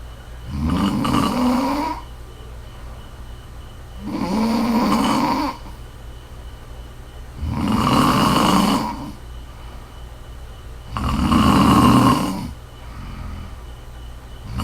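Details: Woman snoring during sleep: loud, rough snores on each in-breath, four in about 15 seconds (about 17 breaths a minute), with quiet exhalations between; ordinary snoring.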